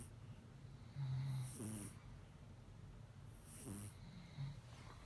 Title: Kitten snoring just like Cat Dad. Don't be mad Cat Dad! Meow